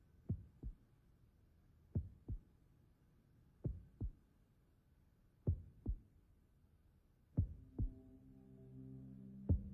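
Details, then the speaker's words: Slow paired lub-dub heartbeat thumps, about 35 a minute, with a tone entering at the end; a staged doctor checking the heartbeat of a man reporting fever, aching joints, shortness of breath, headaches and dizzy spells in a zombie film scene. "yes which ones all of them okay I'm going to need to check your heartbeat"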